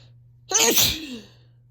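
One sharp, explosive sneeze with a voiced start that fades out, over a steady low hum.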